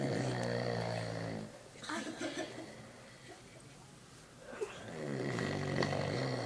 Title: My Uncle is Snoring